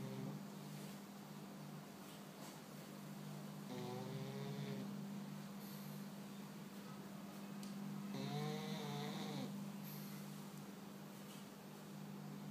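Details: Sleeping, dreaming pug snoring: soft nasal snuffling snores over a steady room hum; snoring in a flat-faced dog.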